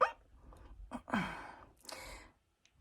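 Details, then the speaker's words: Adult woman with Tourette syndrome: two abrupt, loud bark-like vocal bursts, a vocal tic. "i have threat syndrome now i said that i need to tick"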